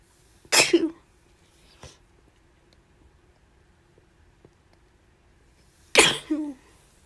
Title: Sneezing